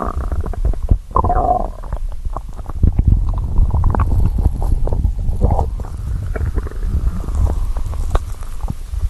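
Continuous low growling and gurgling from an empty stomach, with scattered pops; ordinary hunger rumbling.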